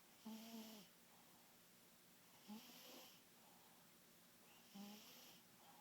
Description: The biggest one of the bunch is takin' a snooze..